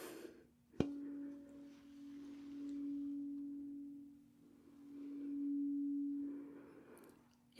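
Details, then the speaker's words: Simulated ASMR medical roleplay sensory exam: a tuning fork is struck for vibration and cold sense testing, giving a sharp strike then a steady, pure ringing tone that swells and fades. "Now we are going to test some vibration sense as well as temperature sense. So to do that I am going to use a tuning fork."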